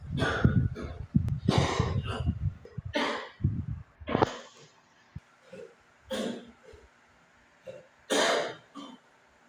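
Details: Repeated coughing from an adult: a series of about six harsh, separate coughs, with softer throaty sounds and breaths in between.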